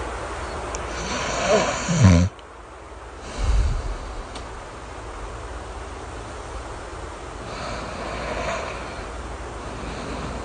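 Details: Two low, rumbling soft snores during a nap over a steady hiss of rain, then only the rain continues; snoring.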